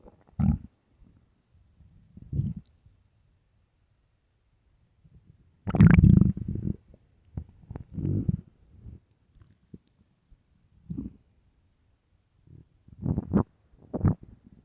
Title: starving stomach growling and rumbling part 1